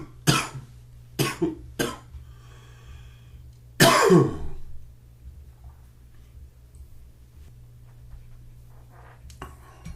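Three short dry coughs, then one stronger cough with a throat-clearing finish, followed by quiet breathing; a mild morning cough.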